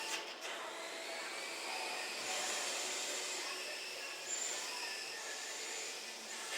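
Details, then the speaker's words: Steady hissing, gurgling endoscopic suction during a surveillance colonoscopy in a sedated 39-year-old woman with a family history of polyps. "That is from suction. Flat polyps can't look like that."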